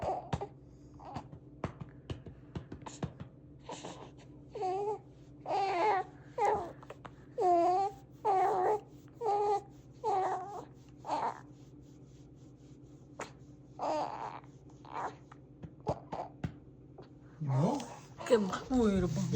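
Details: Repeated short bursts of crying with brief pauses over a steady low room hum; a 1-month-old infant crying during burping attempts.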